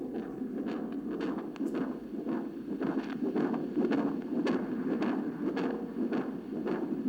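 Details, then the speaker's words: Rhythmic whooshing Doppler pulses from an adult man's own heart, heard through an ultrasound Doppler fetal heart monitor, each ending in a sharp whiplash-like sound of blood flowing in his aorta; Doppler heart and aortic flow sounds. "Now let's listen to my heart again in a moment, and I want you to pay particular attention to a sort of whiplash kind of sound at the end, which is the sound of the blood flowing in my aorta."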